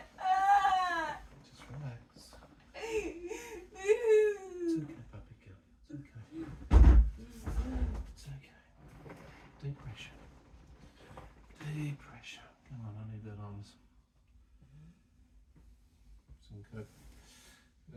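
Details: Distressed crying from an adult woman with 22q11.2 deletion syndrome and autism during an autistic meltdown, with hand and facial dystonia and seizures, after Valium 5 mg and CBD/THC; temp 37.4. Wailing, tonal cries and whimpers while a carer softly soothes her.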